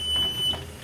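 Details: Philips Everflow home oxygen concentrator turned back on after humidifier bottle and tubing attached: short high-pitched electronic start-up beep over low machine hum.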